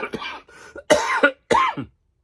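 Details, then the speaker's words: Adult who says he is a little sick and still recovering from COVID gives a short run of about three harsh coughs; cough. "I'm a little sick so I ain't running around doing all that okay"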